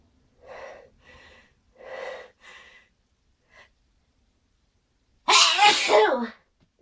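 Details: Several quick catching breaths build up, a pause, then one very loud explosive sneeze.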